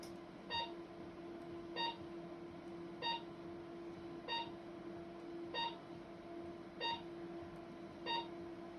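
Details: Radiofrequency microneedling handpiece (25 fine needles) in a physician's self-treatment on the face, two passes on T-zone pores: short electronic beeps at a steady pace, about 48 a minute, over a low hum.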